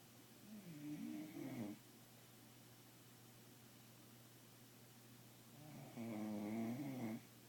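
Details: Bulldog puppy snoring asleep at night at home: two rough, rattling snores with a whistling edge, separated by quiet room noise.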